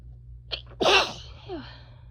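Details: Sneezing after a grass/chhinkni sneezing mistake: a quick inward catch of breath, then one forceful, hissing sneeze that fades out.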